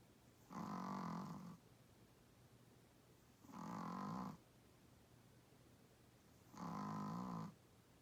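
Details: An 8 lb Chihuahua-Pug dog snoring with evenly spaced honking snores about every three seconds, roughly 20 a minute, quiet between them; said to snore louder than most adult humans.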